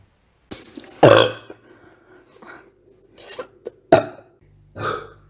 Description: Girl Burping, Girl Burping Loud